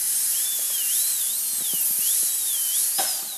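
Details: Dental handpiece trimming a temporary crown on a fake training model during pre-patient practice: high-pitched drill whine rising and falling in pitch as the bur meets material while working toward the edge.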